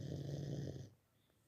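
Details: A sleeping dog snoring: a single low, rattling snore on one breath, fading to quiet.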